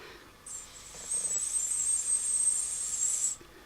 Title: Tinnitus producing my own white pink noise with my lips